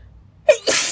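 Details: Girl sneezing during a read-aloud: a quick gasp, then a single sharp, forceful sneeze with a hissing burst.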